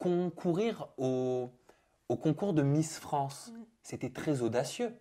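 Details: Adult interviewer; Typical speech.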